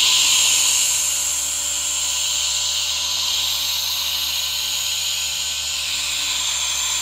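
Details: Steady airy hiss with a low motor hum of a nebulizer running, mixed with a humidifier's misting, recorded as a relaxation sound.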